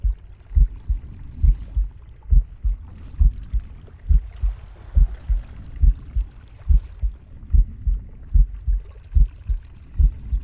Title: Captain Pig's heartbeat, breathing, and stomach growling